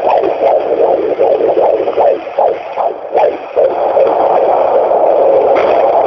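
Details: Fetal heartbeat at 18 weeks 3 days of a first pregnancy: rapid whooshing pulsing about 150 beats a minute under steady hiss.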